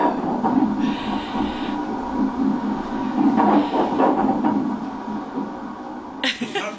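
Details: Fast, rhythmic whooshing pulses from a Doppler probe during echography of a pregnant dog: one unborn puppy's rapid fetal heartbeat.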